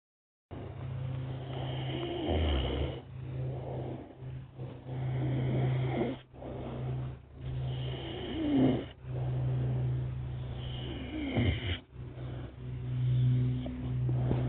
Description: moo moo the Sacred Cow sleeping on my lap snoring